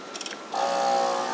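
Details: Suction machine tested with water before oral suctioning in a training demonstration: a few clicks, then a steady whistling hiss of suction drawing water through the tubing.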